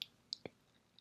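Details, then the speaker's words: Faint jaw clicking during speech from a person who grinds their teeth at night and has been trying a mouth guard; three faint, sharp clicks in a quiet room. "And I'm sorry if you can hear my jaw clicking. I do grind my teeth at night, I've discovered, and I've been trying to wear a mouth guard to prevent that,"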